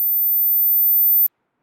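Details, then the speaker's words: Steady 14.1 kHz high-frequency hearing-test tone lasting about one second, used to estimate hearing age; the speaker cannot hear it, placing him in his fifties, late fifties. "네, 저는 이 소리가 안 들립니다. 그러면 저는 50대, 50대 후반에 해당됩니다."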